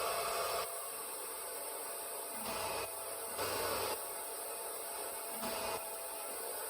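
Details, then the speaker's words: RespiraWorks ventilator test rig on 21% oxygen blower-driven room air, resistance 20 cmH2O/L/s, compliance 20 mL/cmH2O, rate set from 10 to 20 breaths/min: steady blower hiss with regular airflow swells; mechanical ventilator cycling. "Starting at 10 breaths per minute. Again, this is at 20 centimeters of water pressure per liter per second of resistance and 20 milliliters per centimeter water of pressure for compliance. Going to 20 breaths per minute."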